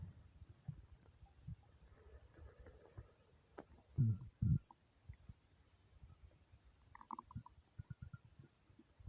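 Soft low gurgles and a few deeper rumbles over quiet background: stomach rumbling from an empty stomach, a normal bowel sound.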